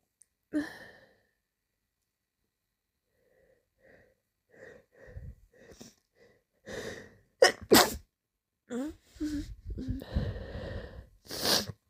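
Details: Sneezing: a series of sharp sneezes, several in quick succession, with brief inhaled catches between them.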